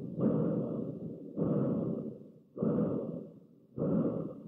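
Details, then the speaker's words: Stethoscope over a hemodialysis arteriovenous access: low whooshing rushes about every 1.2 seconds, loud then fading without fully stopping; a normal continuous AV access bruit. "The list you can use the stethoscope and you can hear a bruit. Does it have a systolic and diastolic component? Is it continuous? Or is it really short?"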